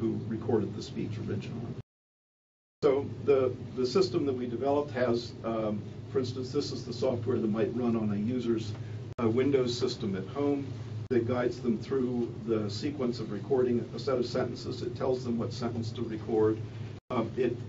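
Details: Adult male speaker; normal speech.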